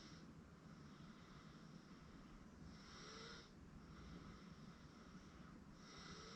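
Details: 8-month-old girl asleep on a futon: soft, faint snoring breaths, about two in six seconds, over steady background hiss; infant snoring.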